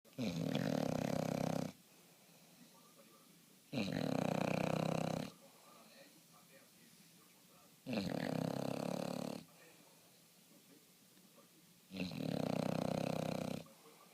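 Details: Dog sleeping and snoring: four loud, rattling snores, each about one and a half seconds, about 15 a minute, with quiet gaps.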